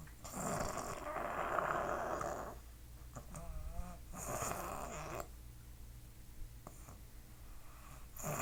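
Rough, rattling breaths drawn in during sleep, with quieter gaps between, in a small quiet room: snoring.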